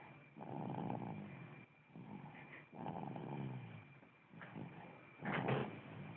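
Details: Repeated low, rough snoring breaths with a faint growly edge, about every two seconds; snoring.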